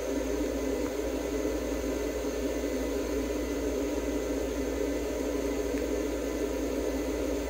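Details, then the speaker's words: A budgerigar in a veterinary ICU incubator receives oxygen therapy with warming and humidification: a steady, even hiss and low hum with no other sounds. "はい、接戦インコのみーちゃんの治療の様子です。 ICU 内で酸素療法を行っています。"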